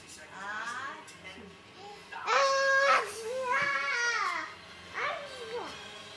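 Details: 19-month-old child pretending to sneeze: short wailing, rising and falling cry-like sounds in a quiet room; heard as an ordinary infant cry.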